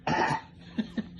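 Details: Child coughing during an eye exam: one strong cough followed by two short, softer coughs in quick succession.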